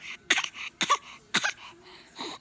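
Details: A child gives three quick, harsh coughs in a row, with soft breathy sounds between them.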